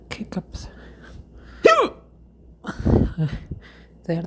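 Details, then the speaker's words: Hiccup attack after eating too fast, following many burps: sharp, abrupt voiced gulps with brief rising squeaks, about three in four seconds. "That's what happens when you eat kind too fast. You get a lot of burps and then a lot of hiccups."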